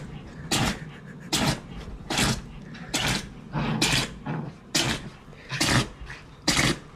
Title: Dogs has a sneeze attack 🐕🤒 (TikTok)￼